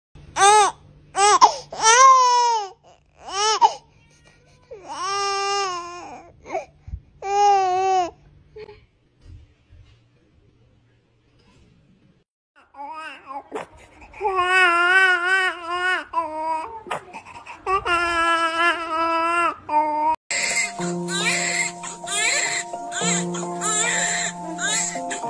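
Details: A baby gives short, high-pitched wailing cry bursts while a husky tries to stop the crying, followed by other drawn-out vocal sounds and music.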